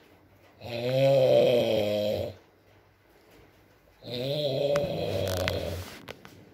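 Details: ASMR recording of a sleeping man (boyfriend) snoring, with rain in the background: two long, buzzing, droning snores about three seconds apart in a quiet room; snoring during sleep.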